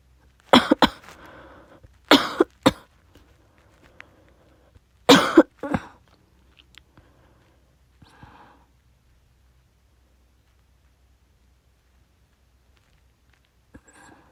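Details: Adult on day 4 after testing positive for COVID-19: three short clusters of sharp, forceful coughs in a quiet room.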